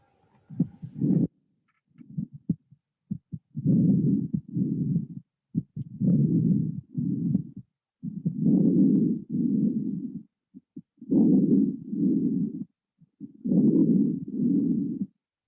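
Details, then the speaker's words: Soft, even normal breath sounds heard with a stethoscope just above the left and right shoulder blades on the upper back, patient taking deep breaths in and out, clear with no added noises. "with each placement of the stethoscope you should encourage your patient to take a deep breath in and out and these are the sounds that you should hear"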